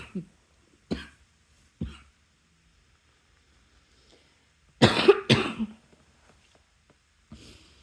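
Three single coughs, then a louder double cough and a faint final one; repeated dry coughing.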